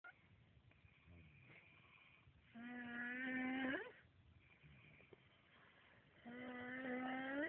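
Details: Snoring: long, tonal, whistling snores on the in-breath, about two in seven seconds, with quiet breathing between them.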